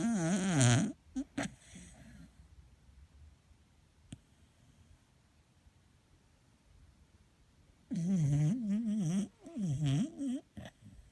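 Loud, low, fluttering snores come in bursts separated by a long quiet pause; ordinary snoring.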